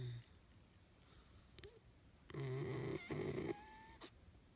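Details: A 12-week-old Newfoundland puppy asleep and relaxed in a kayak gives a short rumbling snore with a brief whistly tail against quiet surroundings; normal sleep snoring.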